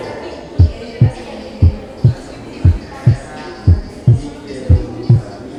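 Slow, regular heart sounds at about 57 beats a minute, recorded during expiration. The second sound is split on breathing out, which is paradoxical splitting from a delayed aortic component, typical of left bundle branch block. Faint background hum.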